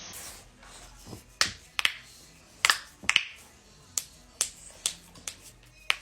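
About ten sharp, dry pops in quick succession, like knuckles and other joints cracking, in a quiet room.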